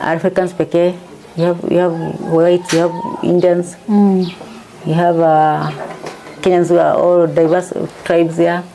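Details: Woman diagnosed with Parkinson's disease in 2022 after symptoms began around 2019, initially misdiagnosed as a pinched nerve; she reports her medication makes her tongue heavy and her speech changed from before. Dysarthria in Parkinson's disease.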